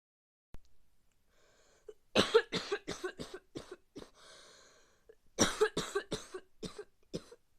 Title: Cough for bad cold